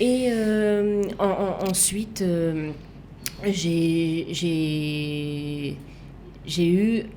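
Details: Woman left with lasting aphasia, a language disorder, and right-sided hemiplegia after an accident and coma; for years she could not place her tongue correctly and fought 7 years to relearn walking and speaking; residual speech difficulties; aphasia.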